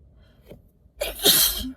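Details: Adult on cold day 3, alone in a car and doubled over: a brief catch of breath, then one forceful, hissing sneeze burst, with a runny nose; a strong cold sneeze.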